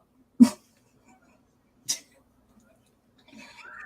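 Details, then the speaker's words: Stifled sneeze through the nose by a person who says most people don't know when they sneeze because they sneeze through the nose: two short, sharp nasal bursts in a quiet room, the first louder. "That sounded like a sneeze. What was that? Spiritual. No. Bless you."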